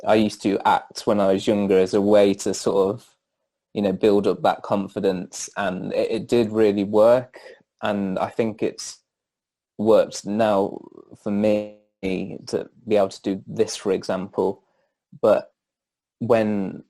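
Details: Adult male students' union president who stammers; stuttering.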